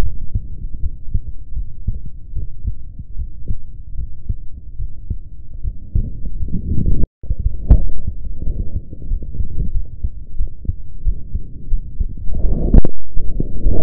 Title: MY HEARTBEAT #39